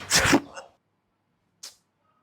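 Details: Staged comedy sketch in which a son with frequent sneezing annoys his dad: a single loud, explosive sneeze with a short follow-on burst, then a brief sniff after a pause. Sneezing.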